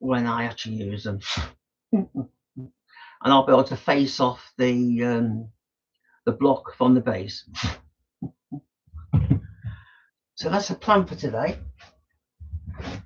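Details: Adult male woodturner with Tourette syndrome, frequent snorting and throat-clearing vocal tics during speech; he says his tics are quite bad today.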